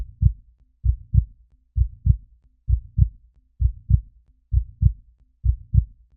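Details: Heartbeat sound effect: steady, regular paired low thumps, lub-dub, at about 65 beats a minute.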